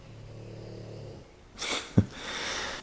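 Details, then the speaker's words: Sleeping pet dog snoring: a low, rumbling snore, then a brief snort and breathy exhale. "So after I ate that food, I just laid down and fell asleep for a little while, took a nice nap, and as you can hear, Zoe's snoring right now."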